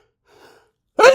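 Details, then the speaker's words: Adult doing announced talkie sneezes because of a strong nose tickle, part of a series of big sneezes: a quiet intake of breath, then one loud, explosive sneeze. "Oh no. Ew. Excuse me. Oh, there's more. I thought I was done, but I guess not."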